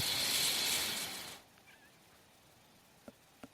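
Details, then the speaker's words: A loud airy hiss lasts about a second and a half, then stops into near silence with one faint click, during a user's speech: mechanical ventilator air cycle. "My name is, that noise you hear is my ventilator."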